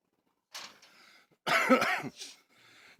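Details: Cockatoo mimicking a human cough: a few harsh, raspy cough-like bursts, imitation rather than illness; the bird also does fist bumps.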